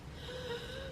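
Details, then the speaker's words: Audible wheeze from an adult woman while talking: a thin, high whistling tone on the breath lasting under a second, which she likens to a bird; she then says she needs to take her puffer. "Oof, what a wheeze. Did you hear that? I sound like a bird."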